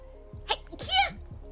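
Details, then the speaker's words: A VTuber's livestream: a single sharp, explosive sneeze with a voiced tail over background music; sneezing. "Another sneeze. New sneeze compilation incoming. Sneeze."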